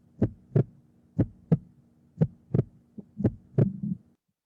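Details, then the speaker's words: Heartbeat recording played as a sound-identification question in a music class: paired low thumps at about 58 beats a minute with a faint steady hum behind. "Yes, indeed, it is heartbeat. We are born with a beat. Our heart beats all the time, and that's the beat we live with."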